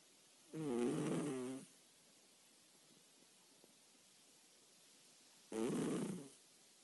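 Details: A sleeping cat named Agáta gives two rattling, buzzy snores about five seconds apart, with quiet breathing between; her snoring often wakes the owner at night.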